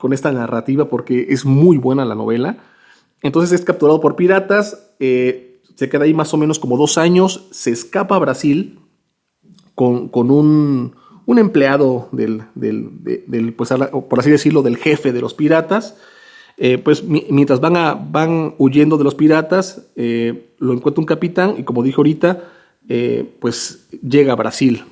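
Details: Stuttering with word repetitions in a male Spanish speaker who stutters.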